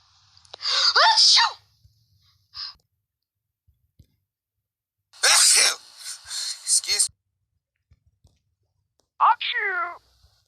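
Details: Sneezing from a sneeze compilation: three loud, drawn-out voiced sneezes separated by quiet, with a theatrical quality.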